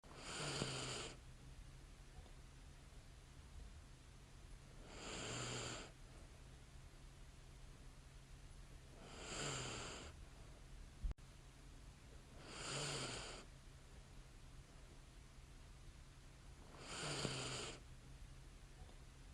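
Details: Woman sleeping soundly in bed: soft, regular light snoring and breathing during sleep, about 14 breaths per minute, with quiet room noise between; snoring.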